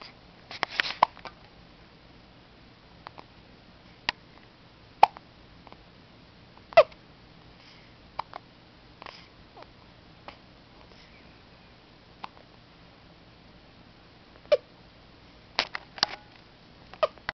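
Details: 2-week-old baby boy hiccuping: short sharp clicky gulps at irregular intervals over quiet room noise, about a dozen in seventeen seconds.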